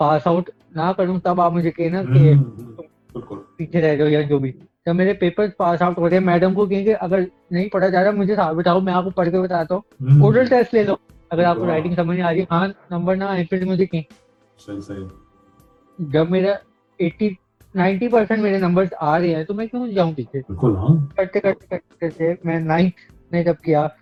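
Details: Dysarthric speech in an adult man with cerebral palsy, speaking Urdu.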